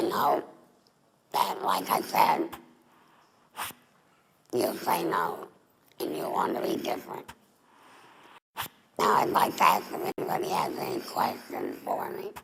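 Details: Adult woman, former smoker, with larynx removed for laryngeal cancer and a neck stoma: alaryngeal speech after total laryngectomy.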